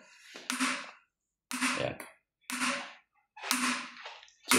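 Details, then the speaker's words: Comed shockwave lithotripsy machine, in service since 2010, test-fired at level 1 with fresh water while being prepared for a pediatric patient (level 1–2 for babies): sharp, loud cracking discharges about once a second, each with a short ringing tail. "So try nating mag shock wave so shock wave o natin yan guys level 1 a2 start natin"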